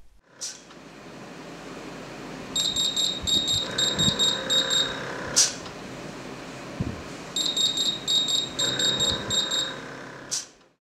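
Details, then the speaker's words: Gradian CCV portable mechanical ventilator low airway pressure alarm (limit settable 5–20 cmH2O; triggers after 12 s below limit, e.g. from circuit leak): repeating bursts of rapid high-pitched beeps over room noise. "if this is improperly aligned or if the valve nut does not being screwed on tightly it could cause a leak in the circuit and trigger a low airway pressure alarm"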